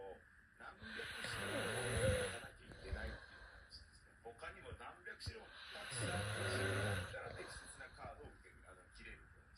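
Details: Snoring.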